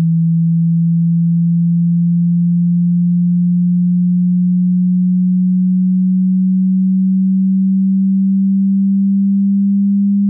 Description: Sinusoidal wave starting at 20 Hz frequency and going up to 20 kHz frequency.